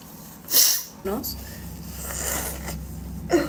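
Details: A sharp sneeze burst followed by a quieter second expulsion and a noisy nasal exhale from a Spanish-speaking woman; low room hum: sneezing.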